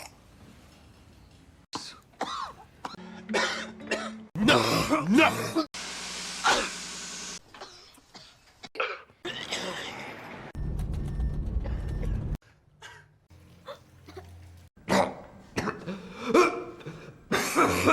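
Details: Acted (simulated) coughs and a sneeze from a supercut of film scenes, background sound changing between cuts.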